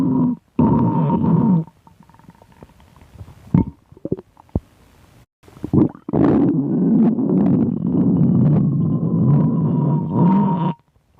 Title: My stomach growling (again..)